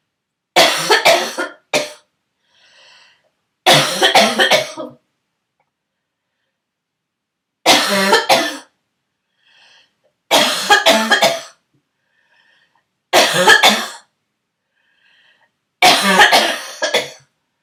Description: An old video from when I was sick, and my throaty cough turned into barking for the first time.